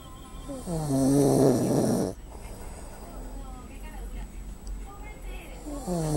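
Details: Loud, tonal snore with rising and falling pitch, then softer voiced breathing sounds; a person snoring in the early morning hours of sleep and possibly sleep-talking.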